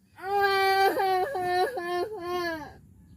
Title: Crying Baby